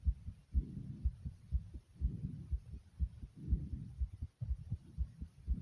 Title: Heart Beating And Breathing Sounds